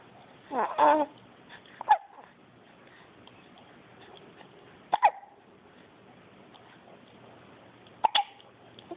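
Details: Baby sucking angrily at a pacifier, with a fart: short, sharp catching sounds every few seconds over faint room noise, brief grunting near the start; infant hiccups.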